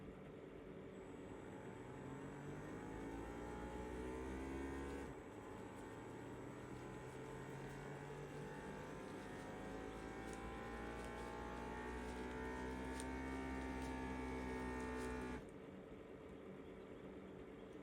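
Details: Home upper-arm blood pressure monitor (Ziqing rechargeable, large XL cuff, talking): steady motor hum rising in pitch as the cuff inflates, then cutting off abruptly as release begins; reading 131/86 mmHg, pulse 69, reported normal.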